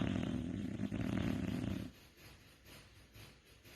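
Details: Snoring: a single low, rumbling snore lasting about two seconds, followed by quiet breathing.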